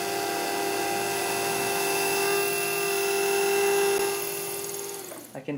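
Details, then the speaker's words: Steady high-pitched whine of the pilot drill for about five seconds, then winding down, drilling a 13 mm deep site with a 13 mm drill as stopper for a 3.75 × 13 mm MIS C1 dental implant. "next up is the pilot drill as i mentioned we're drilling to 13 millimeter depth so i'll use our 13 millimeter length drill as a built-in stopper to prevent me from over drilling"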